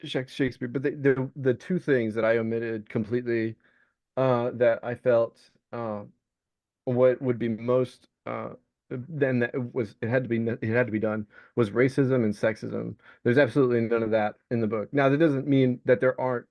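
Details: Vocal tic of Tourette syndrome in an adult man diagnosed with Tourette's; repeated involuntary tic word interrupts his speech.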